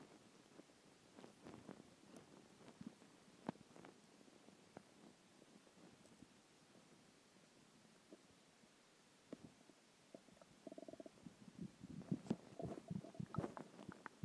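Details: Quiet, irregular gurgles and low rumbling growls from the belly, louder near the end, after skipping lunch; normal hunger stomach growling (borborygmi).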